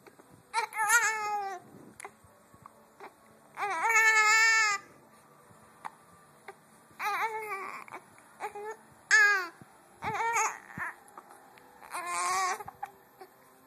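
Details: Infant with hiccups: short bursts of crying and fussing with pauses between, in a quiet room.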